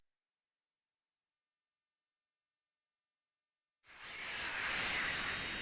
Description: Tinnitus plagues 1 in 10, with millions worldwide severely afflicted.